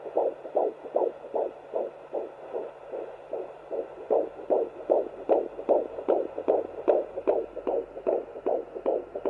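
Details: Rapid, regular whooshing beats at about 150 a minute from a Sonoline handheld fetal Doppler at 14 weeks 4 days of pregnancy; a normal fetal heartbeat.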